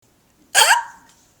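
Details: A single abrupt, voiced gulping hiccup with a short trailing tone, from a person's recurring hiccup bout lasting about five minutes after a meal.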